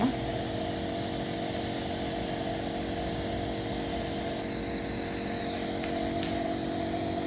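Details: Baby with cough and cold receiving steam nebulizer treatment to loosen phlegm: steady buzzing compressor motor drone with constant hiss throughout.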